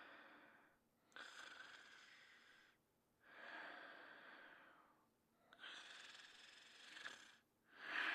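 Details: Cartoon snoring in a sleeping character: slow, rasping sleep breaths with a noisy, hissing quality on each breath, about three cycles over eight seconds.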